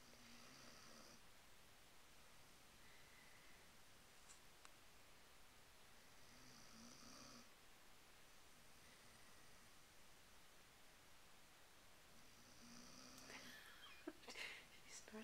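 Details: An 11-month-old Weimaraner asleep on the couch after playing at the dog park snores softly and unevenly in a quiet room, with a few sniffs near the end; snoring.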